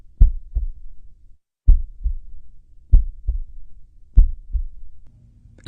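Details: Heart sound clip for NCLEX audio-question learning: bradycardia, with slow, steady lub-dub heart sounds at about 48 beats per minute and a brief voice at the end.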